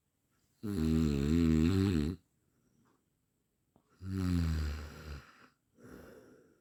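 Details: Loud, rattling inspiratory snores with quieter exhalations between them, ordinary snoring, presented as a sound-effect recording; snoring.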